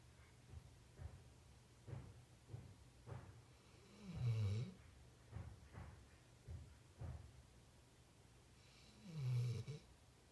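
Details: Snoring in a sleeping female ("little girl"): soft snuffling breaths with two louder, low, vibrating snores about five seconds apart in a quiet room.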